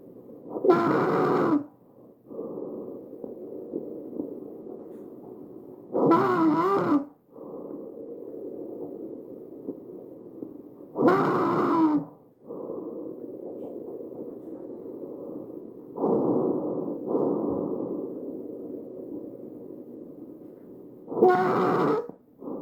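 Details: A real patient's tracheal stridor: harsh, high-pitched noisy breathing with loud rasping bursts at about 12 breaths a minute.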